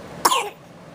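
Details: A single brief cough from a 5-month-old infant, with a sharp onset and a short, slightly voiced tail.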